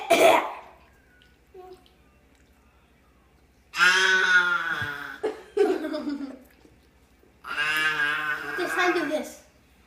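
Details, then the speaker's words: Young boy deliberately imitating coughing and choking: one short cough burst, then three drawn-out voiced choking noises. "just do the choking sound again it was a coughing sound"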